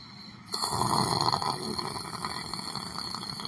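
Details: Person sitting on a chair, meditating and sleeping: a rough, rattling snore on a breath in, then steady noisy breathing over room noise; ordinary snoring.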